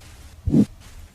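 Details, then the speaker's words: Single soft, low whooshing sound heard with the stethoscope diaphragm over the abdomen (renal arteries/aorta), demonstrating an abdominal bruit; in hypertension this raises suspicion of renal artery stenosis, though most bruits have other causes. "in a patient with hypertension a brewery raises suspicion of renal artery stenosis but most brewes have other causes"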